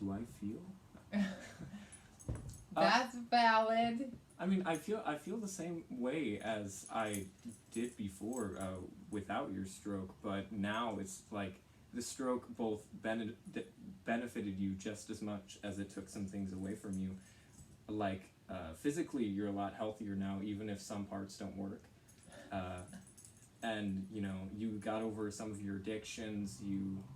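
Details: Teenage boy speaking; typical speech.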